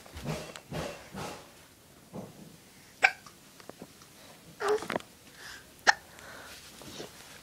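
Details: Young boy, an infant, with hiccups: several short, sharp catch sounds at irregular intervals amid soft baby noises.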